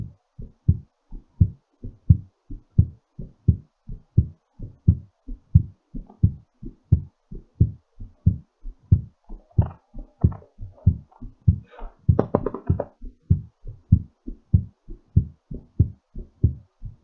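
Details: Steady, clear lub-dub heartbeat at about 87 beats a minute during recovery, with slight noise midway; normal heartbeat after exercise.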